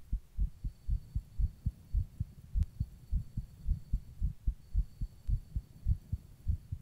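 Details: Person's own heartbeat recorded while rebreathing in a plastic bag.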